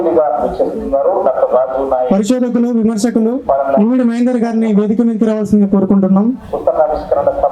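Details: Adult speaker over a public address system; normal speech.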